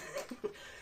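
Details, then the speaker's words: Adult with a self-described nasty wet, productive cough: two quick, soft cough bursts. "Pardon. Oh là là. J'ai une toux grasse dégueulasse. Enfin bon, bref, vous entendez. C'est assez terrible."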